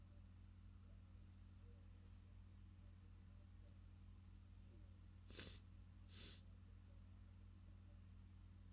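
Two brief, muffled sneeze bursts about a second apart over steady low background hum: stifled sneezes.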